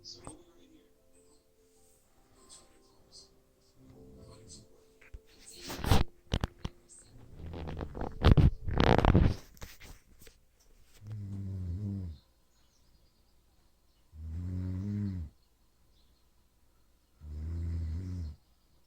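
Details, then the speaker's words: Mother snoring during sleep: after some shuffling, three deep, rattling breath sounds about three seconds apart; loud snoring. "Now she'll tell you that she don't snore. Let's find out."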